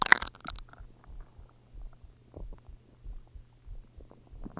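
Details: Soft, repeated gurgling rumbles from the belly with a sharper squelch at the start, ordinary stomach growls from gas and fluid moving through the gut; stomach growling (borborygmi).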